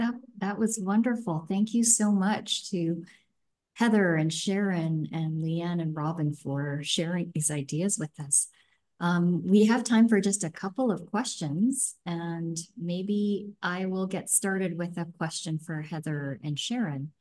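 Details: Adult woman speaking; typical speech.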